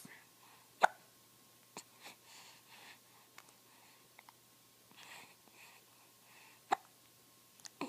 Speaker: Hey, Bugger, what are you doing? Where you going? See, I've got the hiccups.